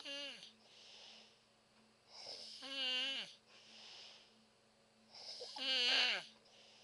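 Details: Adult woman (mother) asleep, recorded close up: loud, high-pitched whistling sounds on breaths about every three seconds, with quieter breaths between; whistling wheeze during sleep, described as snoring.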